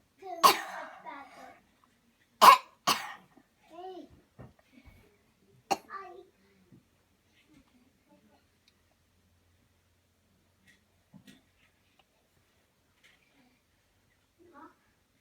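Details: Voluntary cough from a child coached to breathe in deep and cough on command: about four sharp, deliberate coughs in the first six seconds, then quiet.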